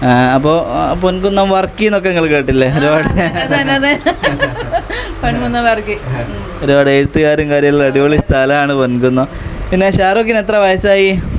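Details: Adult male speaker; Normal speech.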